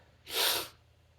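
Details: Stifled sneeze while reading The Raven aloud: one brief, breathy, hissing burst of air about half a second long, with no voiced sound.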